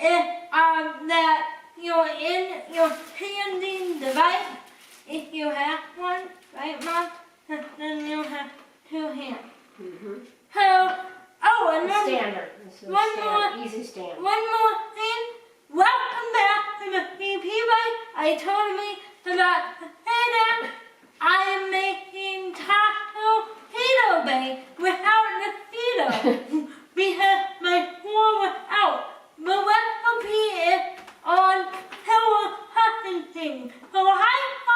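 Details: Dysarthria in a person with cerebral palsy.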